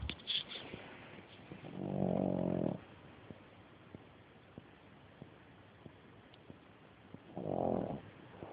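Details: Sleeping pug: two loud, rattling snores about five seconds apart, with faint ticking between them; snoring.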